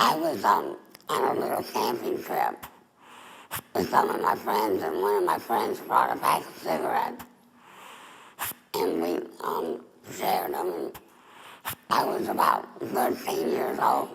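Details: Adult woman, former smoker, with squamous cell cancer of the mouth then larynx; total laryngectomy with neck stoma, speaking through an esophageal voice prosthesis: tracheoesophageal speech after total laryngectomy.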